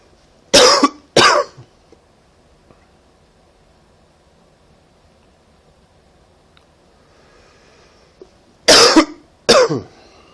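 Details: Two pairs of sharp, harsh coughs separated by a quiet pause, from someone with a common cold.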